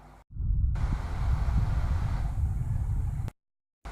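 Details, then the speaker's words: Stethoscope on the abdomen after surgery: continuous low rumbling and churning, postoperative bowel sounds. "पोस्टऑप यानी सर्जरी के बाद स्टेथोस्कोप को एब्डोमेन में रखकर सुनने पर इस प्रकार का साउंड सुनाई पड़ता"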